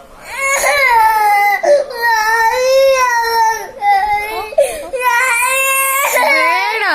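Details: Upset young boy crying for his dad, loud high wailing cries broken by sobbing catches of breath while an adult soothes him with promises that Daddy is coming.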